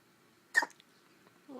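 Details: Hiccup from a little boy in a quiet room: a single short, abrupt gulping sound followed by a faint breath or sigh.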